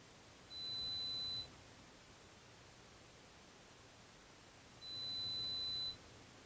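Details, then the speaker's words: Air-conduction pure-tone audiometry on an adult with trouble hearing in background noise, using insert earphones, one ear at a time, with presentations in 10 dB descending and 5 dB ascending steps. Two steady high-pitched one-second beeps separated by silence over soft hiss. "I'm going to put some headphones in your ears and you'll hear beeps and one ear at a time so whenever you hear a beep you're just going to press that red button even if it's very soft"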